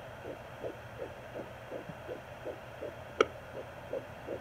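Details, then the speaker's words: Home Doppler at 13 weeks of pregnancy, where the mother believes she is carrying twins: fast, regular soft whooshing fetal heartbeat, about 165 a minute, over steady hiss, with one sharp knock from the probe. "there's one i'm sure the other one's close by watch unless it moves we did that last time there it is"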